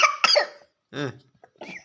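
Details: Young child who still coughs a bit when drinking plain water, not yet able to drink well: a few short coughs with a small throat-clearing sound, choking on water while drinking.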